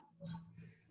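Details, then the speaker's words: Female pet dog asleep, snoring during a speaker's online talk: a brief, low, faint, muffled rumbling snore in a small room. "disculpen si se escucha pero mi perro está roncando esperemos que ustedes no ella se durmió"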